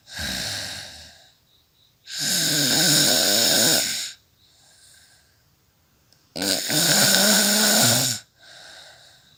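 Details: Adult woman snoring during night sleep, real recording: loud, harsh, rattling snores on each inhalation, about 14 breaths per minute, with quieter exhalations between them.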